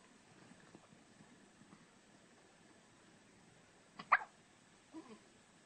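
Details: Hiccups: in a quiet room, two short, sharp catching sounds about a second apart.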